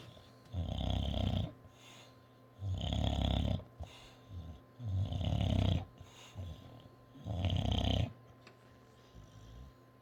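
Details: Snoring from a sleeping English bulldog.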